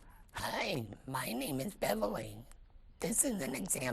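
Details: Tracheoesophageal speech through a hands-free valve from a female laryngectomy patient, who has used it for 12 years.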